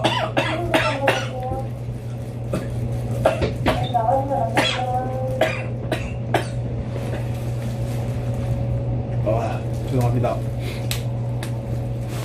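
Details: Repeated short, forceful reflex coughs in quick succession from a reporter just after the nasal swab was withdrawn during a COVID-19 test, over a low mechanical hum.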